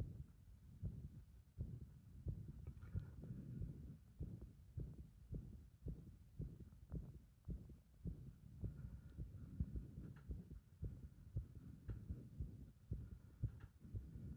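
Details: Irregular heart rhythm brought on by compression: muffled, low heart thumps at an uneven pace, with gaps and spacing that vary from beat to beat.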